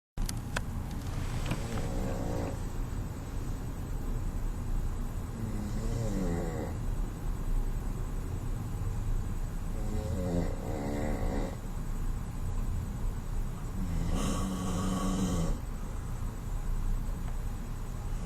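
Rough, buzzing snores repeat every few seconds over steady low background noise: loud snoring.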